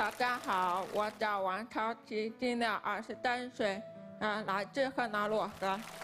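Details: 23-year-old woman, deaf in both ears since early childhood from medication given for a high fever, unable to speak before learning from age 3 with a special-education teacher; wears hearing aids that give sound but not words; hearing-impaired speech.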